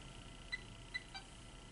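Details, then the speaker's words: Alaris IV infusion pump keypad beeps during skills-lab demonstration: two short faint beeps and a softer third tone as a 200 mL/hr piggyback rate and 100 mL volume are entered; normal keypad feedback. "enter, and the volume to be infused is 100 milliliters, so I'm going to put that 100 milliliters in, and then I'm going to press start or run and see what happens."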